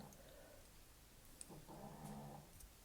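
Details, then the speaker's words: A faint, low buzzing rumble lasting under a second in a quiet room from Lexi, an old sleeping Chihuahua; soft snoring. "think i have another snore do you hear that that's my lexi she's an old chihuahua"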